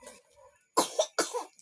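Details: Two short, harsh coughs in a row after a brief murmur of a background voice.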